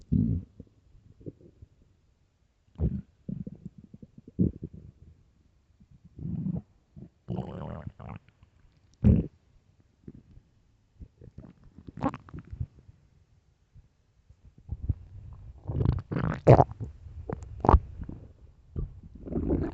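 Irregular low gurgling and rumbling bursts from the belly, some long and drawn out: loud stomach growling of an empty, hungry stomach.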